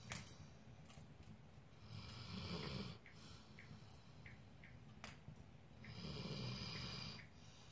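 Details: Soft snoring by the fire: soft, rumbling snores on two slow breaths, with crackling fire pops in the background; gentle snoring.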